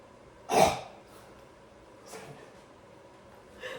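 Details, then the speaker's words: Patient instructed in PEP therapy with an Aerobika device performs a huff cough: one strong, open-throated breathy forced expiratory huff, then softer breaths; lungs previously without crackles or secretions. "That was really good. You just want to say Huff, kind of like."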